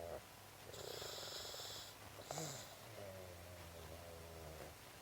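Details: A Boxer puppy in deep sleep after a two-hour forest walk: soft, fluttering rumbles and nasal snorts with each breath; snoring.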